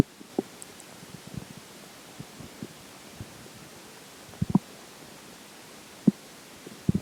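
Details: Stomach growling during digestion after McDonald's for lunch and a slice of pizza for breakfast: irregular short gurgles and rumbles over a quiet background, normal bowel sounds.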